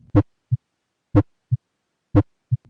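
Regular heartbeat, about 58 a minute, each beat a louder first sound followed by a softer second; the first heart sound is the focus.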